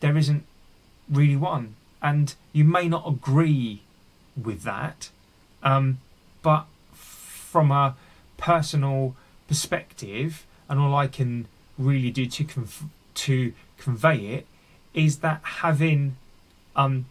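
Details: Real, unedited speech of an adult man who stammers and is on a speech therapy journey; stuttering.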